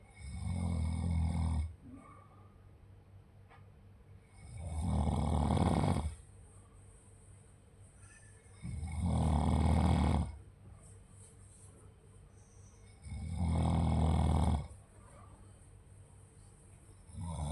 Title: Do you know what snoring sounds like?